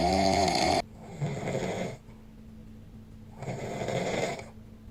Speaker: My husband snoring in his sleep and scared the baby.